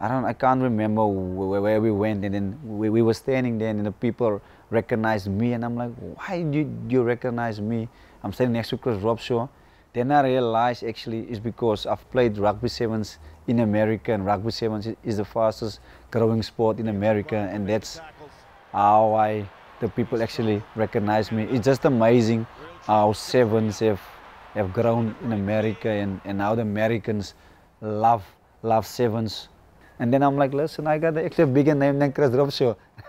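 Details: Adult male former professional rugby sevens player with a stutter that he says he has worked to overcome; real; stuttering.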